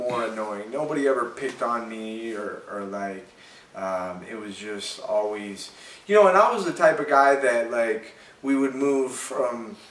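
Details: Adult man who has stuttered since childhood and still stutters slightly; stuttering.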